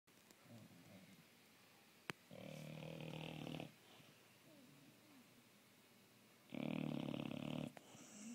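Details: Tasha, a sleeping dog, gives two loud, rattling inspiratory snores about four seconds apart with quiet breathing between: ordinary snoring.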